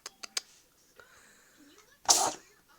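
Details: Cat sneezing: a few soft clicks and faint sounds, then one sharp hissing burst of a small animal's sneeze.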